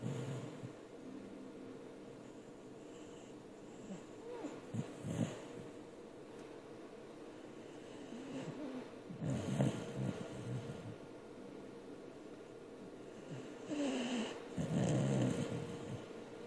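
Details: Soft snorting, wheezy breaths recurring every few seconds over a steady background hum; a sleeper whose snoring is described as very loud and human-like.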